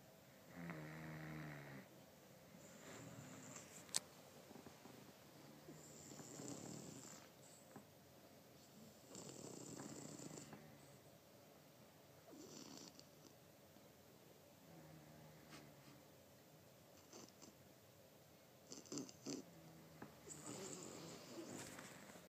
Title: snoring conte